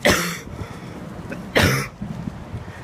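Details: Mini cough attack outdoors at a railway level crossing: two harsh coughs about a second and a half apart, with low outdoor noise behind them.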